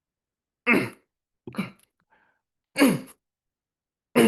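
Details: Vocal tics: several short, abrupt throat-clearing and cough-like bursts separated by silence.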